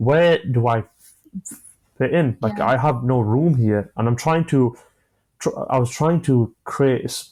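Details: 25-year-old man who has stammered since early childhood; he says it began after an asthma attack, involves blocks, and he manages it with breathing methods and pauses; stuttering (stammering).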